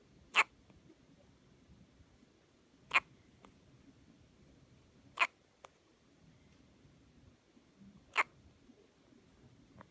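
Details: Hiccups: four sharp, brief hiccup sounds about every two to three seconds, roughly 23 a minute, in a quiet room.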